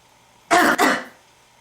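One harsh two-part throat clear, lasting about half a second.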